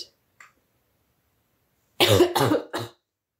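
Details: Three quick, harsh coughs in a short burst in a quiet room from a woman with a real cold, recorded during a sick-girlfriend ASMR roleplay; cough.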